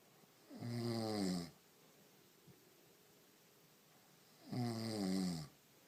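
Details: Woman asleep, with lip twitching: two long, rattling snores on the in-breath a few seconds apart, with quiet pauses between; snoring.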